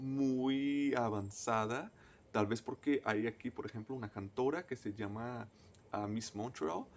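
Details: Adult male native Portuguese speaker who stutters, speaking Spanish as a foreign language; stuttering.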